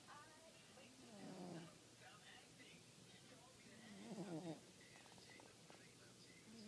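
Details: Cat named Tiger snoring: soft, fluttering breath noises about every three seconds, roughly 20 a minute, over faint room noise.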